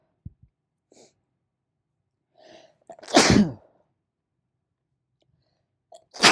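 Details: Sneezing deliberately triggered by an allergen: sharp in-breaths build to one loud explosive sneeze, a second beginning at the end; allergic sneezing.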